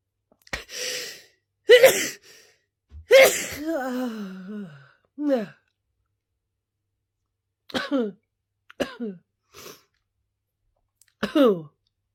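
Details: Sneezing fit: a run of about seven sharp sneezes, each with a voiced 'choo', some trailing into a falling groan, separated by quiet gaps.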